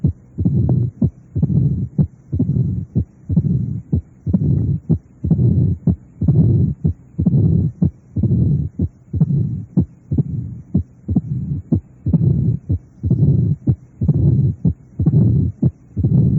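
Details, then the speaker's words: Simulated heart about 62 beats a minute, heard at the apex in left lateral decubitus with the bell applied lightly: low rumbling murmur filling each diastole. Mitral stenosis mid-diastolic rumble. "este soplo se oye mejor a nivel de la punta en la posición de decúbito lateral izquierdo con el receptor de campana aplicado suavemente a la pared torácica"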